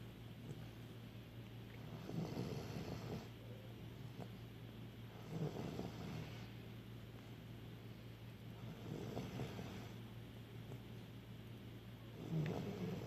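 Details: Soft, low rumbling snores from a sleeping Samoyed dog, about 19 breaths a minute, over a steady background hum.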